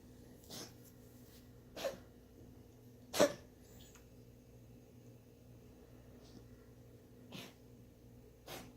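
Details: Five short, sharp, explosive coughs from a dog, irregularly spaced over a steady low room hum: a dog coughing.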